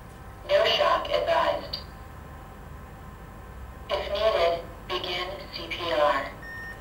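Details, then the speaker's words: AED training demonstration on a simulated cardiac arrest patient: a recorded machine voice reanalyses after two minutes of CPR and advises no shock, prompting a breathing check. "this time the machine has indicated that no shock is advised and this means one of two things it either means that the patient's heart is back into a normal rhythm or it means their heart has gone into a rhythm which is no longer treated by the process of defibrillation"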